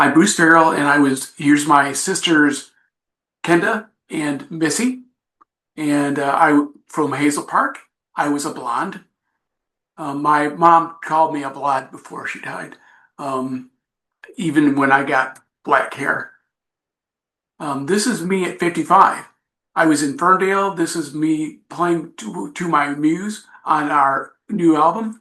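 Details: Adult man with aphasia after an accident. He says recovery is a long road but he is getting much better. Finding: aphasia.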